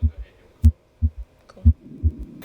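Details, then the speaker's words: Cardiopulmonary assessment simulation mannequin in a nursing training lab: low, dull paired thumps repeating steadily, simulated heart sounds. "students learn how to listen to heart sounds and breath sounds on this mannequin"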